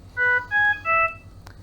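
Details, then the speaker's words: Trilogy Evo non-invasive ventilation device just after starting ventilation: a three-note electronic alarm, descending then rising, then a click as it is silenced; an initial amber alarm escalated to a red alarm over a therapy or settings issue. "i'll just silence that alarm so we're given a example here of how the alarms sound there was an initial amber alarm and the device was not pleased about a certain aspect of the therapy or its settings therefore it has given us an additional alarm in red"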